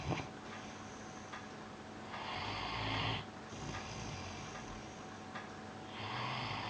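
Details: Piran snoozing on his bed: soft, rough snoring on each breath, about three breaths over several seconds, with steady room hum; ordinary snoring.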